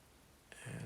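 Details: Quiet, then sudden loud hissing, slurping suction as the probe draws sticky, wet, dark wax near the entrance and anterior ear canal during endoscopic microsuction of a blocked ear, wax softened with oil.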